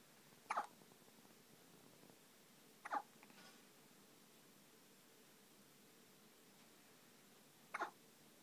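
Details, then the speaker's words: A newborn boy nearly 24 hours old in hospital has hiccups: three sharp, brief hiccup sounds over about eight seconds in a quiet room. "Baby's got hiccups and he's nearly 24 hours old."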